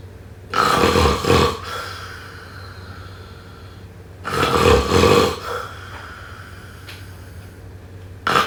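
Two deep, rumbling, throaty snores separated by quiet pauses; snoring during sleep.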